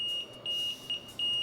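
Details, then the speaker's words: LTV-1150 home ventilator caregiver training: repeated high-pitched electronic beeps with flashing display message, signaling an alarm condition active now; ventilator audible alarm. "when an alarm occurs an alarm message is flashed in the display window an audible alarm is sounded this means the alarm is active or is occurring"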